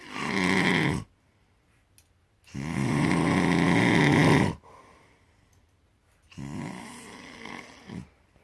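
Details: Heavy snoring from a sleeping man, audible from the living room: loud, rough, rattling snores on each breath in, about three in eight seconds, separated by quiet pauses.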